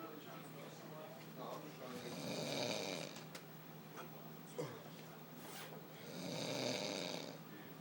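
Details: Loud rasping snores from a sleeping adult woman passed out drunk, two long breaths in about eight seconds, over room noise; snoring.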